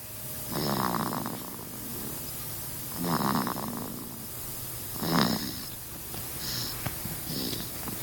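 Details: Baby snoring: soft, rattly snores with each breath in, about four to five in eight seconds, with a quiet background hiss between them; infant snoring.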